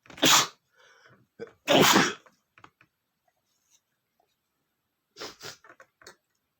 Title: male sneezing #33 (I smelled the flowers, at first I tried to hold back)